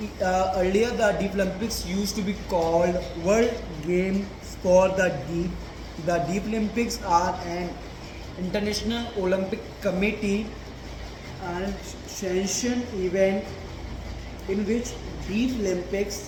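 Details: Male reading a passage aloud as daily stammering practice, with a word repetition: stuttering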